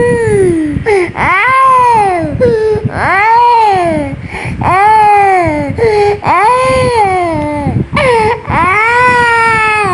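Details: Young child sick, with cough, distress and discomfort: loud, sustained wailing cries in repeated long bursts with catching breaths between.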